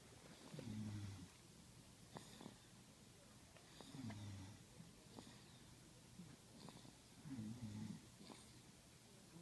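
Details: Two sleepers (a father and another person) snoring: quiet, low snores about every three seconds, with faint clicks and room noise between.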